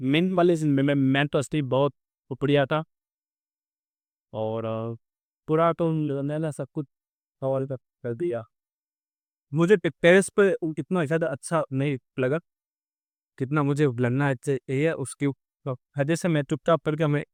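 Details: Stuttering in an adult male on day 27 of a stammering-control programme, using pausing and pacing techniques; background-noise removal applied to the recording altered his voice.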